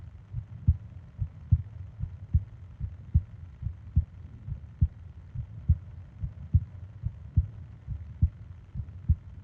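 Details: Japanese sleep ASMR recording of heartbeat and breathing sounds, 20 minutes long: steady low lub-dub heartbeat at about 70 a minute, regular rhythm; normal heartbeat.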